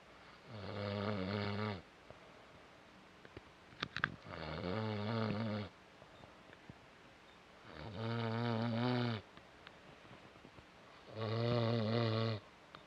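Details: Snoring: four loud, rattling, voiced snores on breathing in, each over a second long, about 18 a minute, with quiet pauses between.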